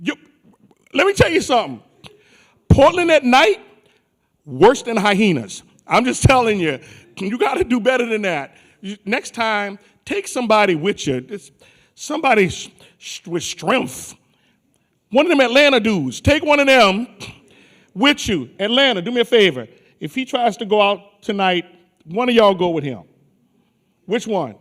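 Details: Adult male speaker; normal voice.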